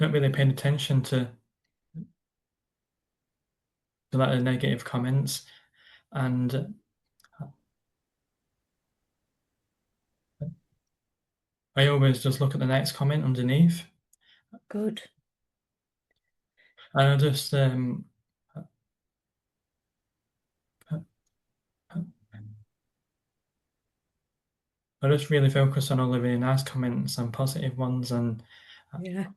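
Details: Stuttering (stammer) in a man who describes it as a neurological condition that feels like a block stopping his words from getting out.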